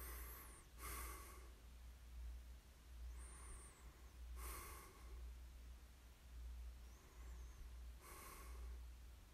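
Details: Slow, noisy sleep breathing with rough, snorting breaths about every three and a half seconds under a steady low hum, recorded as sleep ASMR; snoring.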